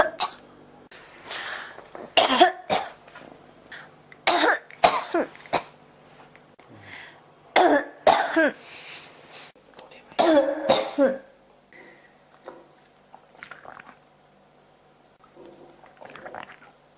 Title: 咳が止まらない 43 cough